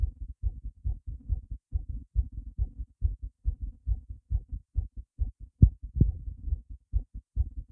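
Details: Own heart racing after a big surprise, visible between the ribs: fast, low thumping heartbeat around 140 beats per minute, somewhat uneven in strength; rapid heartbeat.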